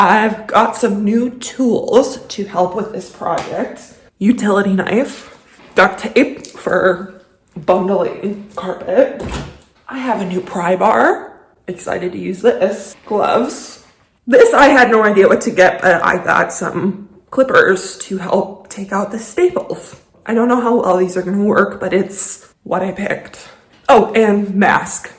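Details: Adult woman with a lifelong vocal disorder she calls a medical condition; voice quivers, sounds shaky and cuts in and out. Finding: vocal tremor (voice disorder).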